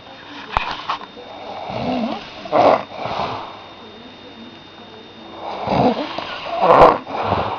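Rough, rattling breaths in and out in slow cycles, roughly eight a minute; loud snoring.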